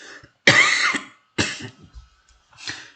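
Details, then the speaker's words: Adult male teacher during a lesson, who says he gets an allergy every winter and not COVID: two harsh coughs, then a quieter throat clear, in a small room. "선생님 지금 기침하고 막 그러는데 선생님 겨울만 되면 그 알러지가 생겨 알러지 그래갖고 아 막 좀 어렵습니다 그죠 근데 뭐 코로나 걸린 거 아니니까 여러분들 너무 두려워하지 마시고 들으세요"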